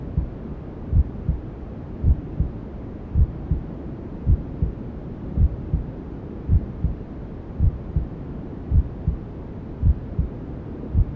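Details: Sleep sound for newborns: steady low double thumps at about 54 a minute under a constant hiss of white noise, imitating the mother's heartbeat heard in the womb.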